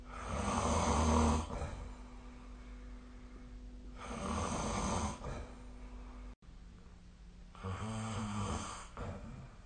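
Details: Snoring during sleep recorded with a snore-tracking app: three loud, rough, low rattling snores about four seconds apart, roughly 16 a minute, with quiet room hum between.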